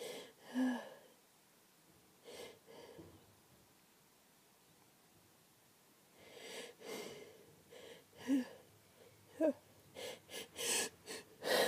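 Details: Person in bed just after waking, unable to stop sneezing: several sharp sneeze bursts, a few with quick breaths in before them, in a quiet room; a short sneezing fit.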